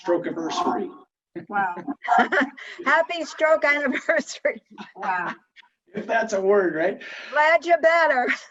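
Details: Adult woman speaking; no disorder.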